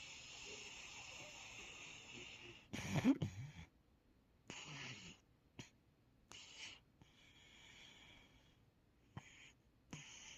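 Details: An English Setter dreaming and snoring in sleep: soft hissing breaths with a louder snorting snore, then quieter irregular breaths and brief puffs.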